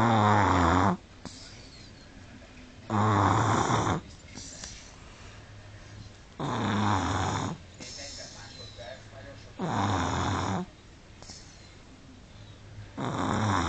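Loud, rattling snores on each breath in, about four in twelve seconds, with quiet breathing out between; snoring in a sleeping toddler.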